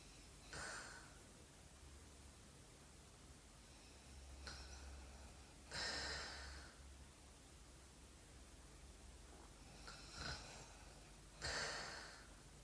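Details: Light snoring from a sleeping girl in a quiet room: soft, irregular breaths with a few louder snorting breaths; noisy breathing.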